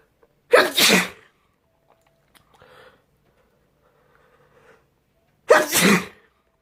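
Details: Two loud, explosive sneezes about five seconds apart, each a sharp intake of breath followed by a forceful burst; ordinary sneezing.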